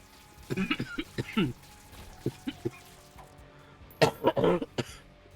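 Two short clusters of deep, chesty coughs over quiet background music; a productive cough.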